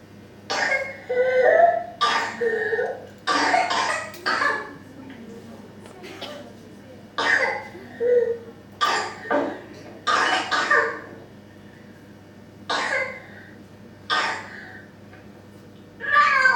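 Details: Whooping cough (pertussis): repeated bursts of harsh coughing in close clusters separated by pauses; paroxysmal cough.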